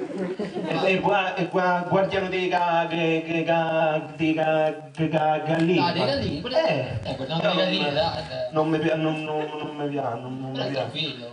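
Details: Acted stuttering performed in an Italian comedy cabaret sketch about a stutterer's jobs, with repeated sounds and syllables; stuttering (acted)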